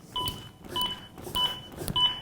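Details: A ZOLL AED Pro paces CPR on a training manikin in simulated ventricular fibrillation with four evenly spaced electronic beeps, about 100 per minute, during a 2-minute compression cycle at 5–6 cm depth.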